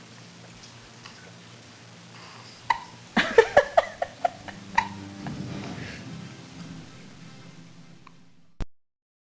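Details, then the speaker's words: A baby who often gets hiccups: a quick run of abrupt little catches over a low background hum, infant hiccups. "she's get hiccup problems like I do once I get hiccups I can't get rid of them throughout the whole day almost with her too she'll go to sleep with the hiccups"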